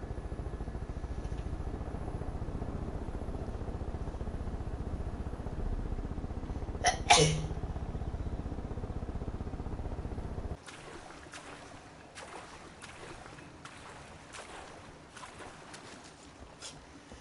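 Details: A woman sneezing during a live stream: steady low hum, then one sudden sharp burst of air, followed by quieter clicking and rustling; a single sneeze.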